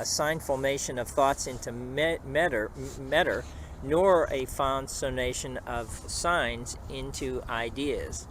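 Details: Self-recording on a phone made while aphasic after a 2011 ischemic stroke; at the time the speech sounded fine to him, and only later transcripts revealed its errors: aphasia.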